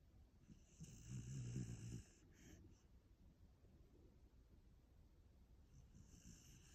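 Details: Puppy asleep after a busy day, tongue showing: one loud, low rumbling snore followed by quieter breathing sounds; ordinary sleep snoring.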